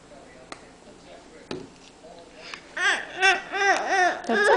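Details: Young girl who blew pepper off her cottage cheese into her face: faint room sounds, then a run of rhythmic rising-and-falling wailing syllables; a young child's cry.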